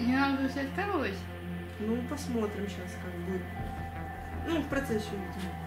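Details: Adult speaker; no disorder.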